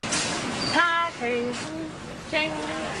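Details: Woman with Tourette syndrome who calls herself a Tourettist, producing involuntary vocal tics; vocal tics (Tourette syndrome).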